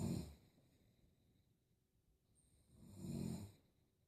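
Two low, rattling snores about three seconds apart, with near silence between them. Ordinary snoring.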